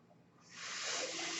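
Quiet room, then a steady rising hiss of air from a home ventilator delivering a breath.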